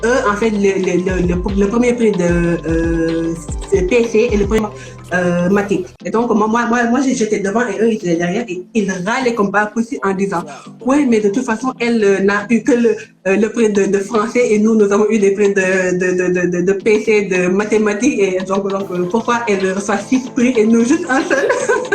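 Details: Stuttering in an adult woman from Senegal now living in France, with word repetitions.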